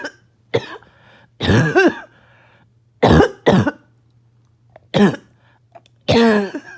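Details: Repeated harsh barking coughs in short bursts, some doubled, gasping and choking, with a low steady hum behind; started by an itchy nose and throat.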